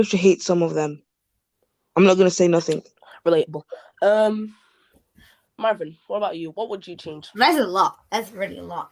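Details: Adult speaker, conversational; Normal speech.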